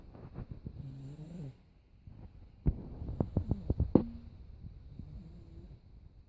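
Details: 17-month-old sleeping boy: soft, rattling snores with sharp snorts and throaty vibrations in the middle: toddler snoring.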